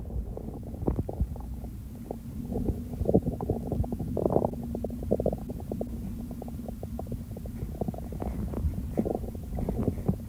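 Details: Hunger segment of a recording that follows the stomach from hunger to overfull and bloating: steady low rumbling with frequent gurgling clicks and bubbling over a noisy background, ordinary bowel sounds (borborygmi).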